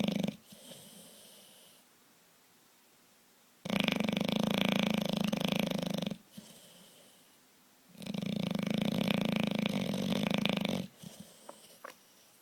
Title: Beauregard the big bulldog snores